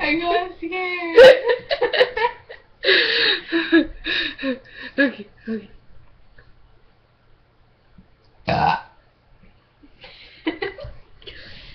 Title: Burp Contest..